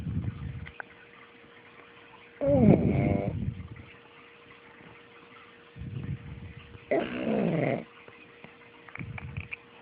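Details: Pug snoring: low rattling breaths alternating with wheezy, snorting sounds at irregular intervals; snoring from a flat-faced dog.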